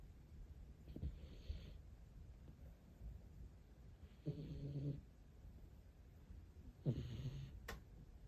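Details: Snoring from a sleeping rescue cat.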